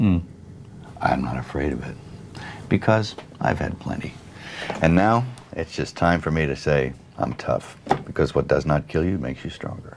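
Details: Adult man speaking; fluent speech, no speech disorder.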